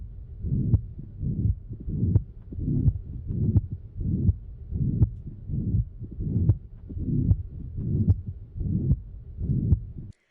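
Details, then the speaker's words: Regular heartbeat near 80 a minute with a harsh blowing murmur filling each systole: holosystolic murmur of a ventricular septal defect, from left-to-right flow across the septal defect; an example recording from Wikimedia Commons. "So blood is basically whooshing from left to right across that VSSD during cy and it's causing this sound. Let's actually take a second to listen to that sound so you can hear what does this holo systolic murmur of a VSSD sound like."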